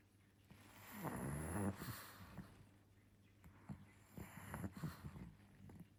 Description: In this adorable pug video, Pangpang the Cute Pug shares some of his best gentle pug snoring and snorts to delight pug lovers around the world.